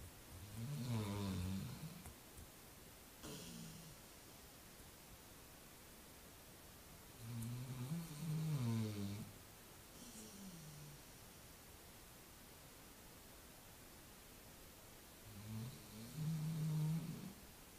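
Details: Dog napping, snoring with low, rattling rumbles about every seven to eight seconds, roughly eight a minute; snoring.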